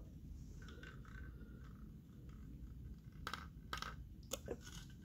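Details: Cough after slow inhalation on an incentive spirometer, during breathing exercises to improve lung capacity and oxygen saturation and to clear phlegm in acute breathing problems; cough.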